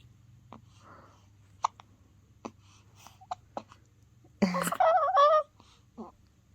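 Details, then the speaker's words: Baby with hiccups: several sharp, brief hiccup sounds at irregular intervals, followed by a short voiced cry or laugh. "You got hiccups."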